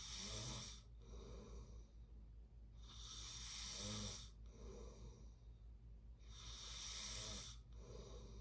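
Loud, rasping snores with each breath, about 18 breaths a minute, separated by quieter exhalations: ordinary snoring during sleep.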